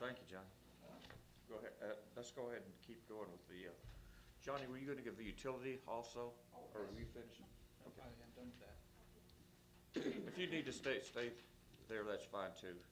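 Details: Adult speakers in a meeting room; ordinary speech.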